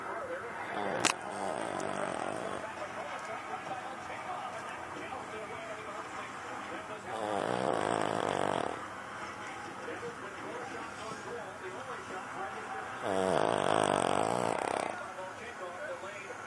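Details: Sleeping spaniel dog snoring: three long rattling snores about six seconds apart, roughly ten breaths a minute, over steady background noise.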